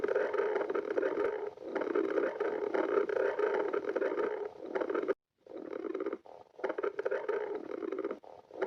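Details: Badger's stomach growling: long, loud gurgling and bubbling rumbles with brief quiet gaps, watery churning borborygmi.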